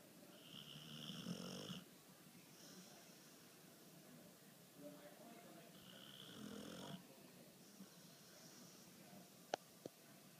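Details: Deep sleeper who snores loudly enough to be heard in the next room: two rattling snores on the in-breath, about 12 breaths a minute, with quiet room noise between; ordinary snoring.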